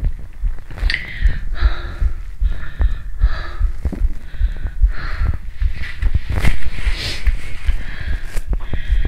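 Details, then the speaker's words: Fast, deep, pounding heartbeat after 45 minutes of muscle training on an empty stomach, with gurgling bowel sounds on top; nausea followed right after: heart sounds after exercise. "(Tiếng tim sau khi tập thể dục) Trái tim sắp nổ tung 💣!"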